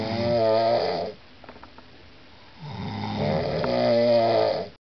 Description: Koncert chrapania Leniwca i Wieży